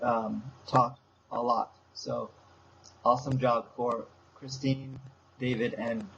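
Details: Young man with aphasia since a stroke seven years earlier, still attending speech therapy four times a week; aphasia.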